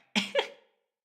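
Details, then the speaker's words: Adult woman, sick, coughing while live-streaming and coding: two quick harsh coughs in close succession in a quiet room. "sorry for coughing anyway that's my little rant because I was looking at this stuff last night"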